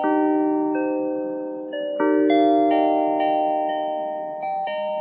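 Soft, random chime-like bell notes drift one into the next without a set tune: fractal tones from a hearing aid's tinnitus therapy program.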